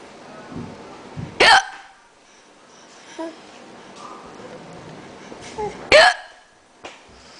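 Two sharp, abrupt vocal hiccup sounds about four seconds apart, with faint background sound between them; hiccups.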